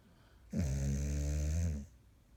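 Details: Snoring.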